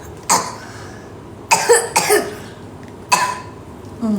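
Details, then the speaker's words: Four short, sharp coughs, two close together, with quiet room noise between them, from a young child whose mother notes the child coughing and later vomiting during a late-night live stream; cough. "I nampak anak I batuk. Kau orang tak kesian ke? Hmm. Kau orang tak kesianahkan anak I batuk nampak tu."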